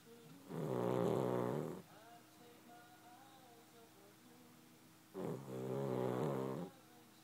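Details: Dog sleeping during the day and snoring: two long, buzzing snores on the in-breath, several seconds apart, with quiet breathing and faint background sound between.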